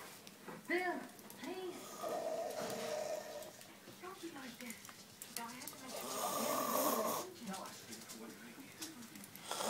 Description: snoring